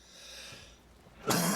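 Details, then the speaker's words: Single sudden, loud, harsh adult cough over faint room noise, from a man recovering from a nasty cold with voice still affected. "also pardon the cough i am uh i'm recovering from a uh from a pretty nasty cold that i had"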